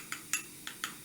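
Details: During atraumatic tooth extraction with a sound labial bone (type 1 socket) before implant placement, four light metallic taps about a quarter second apart are heard as a mallet drives a periotome to cut the periodontal ligament.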